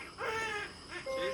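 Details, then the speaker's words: A newborn's first cries just after a hospital birth: two short, high-pitched, vigorous wails, a normal newborn cry. "Yea it's crying! Do you hear it??"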